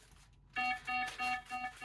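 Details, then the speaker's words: Pulse oximeter alarm in an autistic adult with 22q11.2 deletion syndrome, without sleep, having chest pain, near-syncope and heart rate about 57–60: five rapid electronic beeps as oxygen saturation drops to 88%, then 87%. "and that's an oxygen alarm. 88 done."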